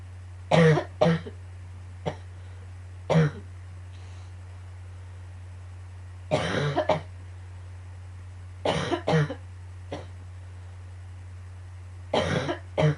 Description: yet again with the coughing fits...grrrr